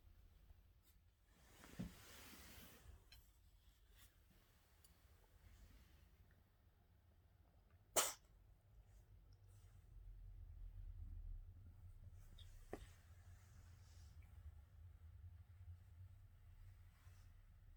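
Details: A cat gives a brief, harsh expulsive burst, then a few short sharp sounds in a quiet room; cat coughing.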